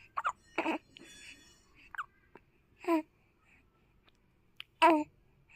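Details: Small child with hiccups: brief voiced gulping catches repeating irregularly, about 31 per minute, with soft babble between; hiccups.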